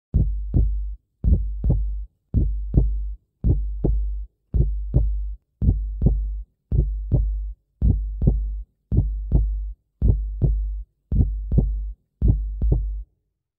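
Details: Steady paired low lub-dub thumps at about 55 beats a minute; normal first and second heart sounds (S1 and S2).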